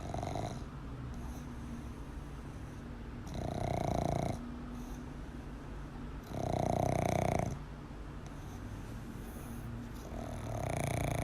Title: Maggie the cutest pug snores while awake